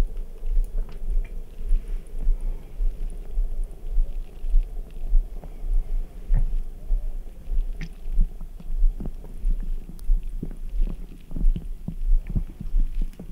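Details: Adult stomach after drinking ice-cold Red Bull: frequent low gurgles and squelching clicks from an active stomach: bowel sounds (borborygmi).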